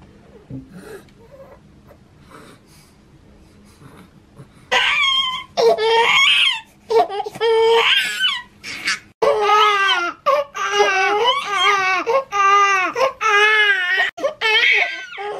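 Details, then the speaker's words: Hunger cry from newborn twin girls about 7 weeks old: rhythmic, rising-falling crying with short breaths between wails after a quiet start, before feeding. "they're hungry so i'm gonna feed them"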